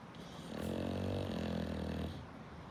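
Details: English bulldog, a flat-faced dog: a single loud, rattling snore on a drawn-in breath, with soft breathing noise before and after; ordinary snoring.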